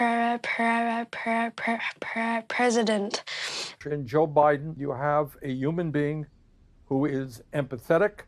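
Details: Stuttering in a 13-year-old boy who says he stutters; stuttering.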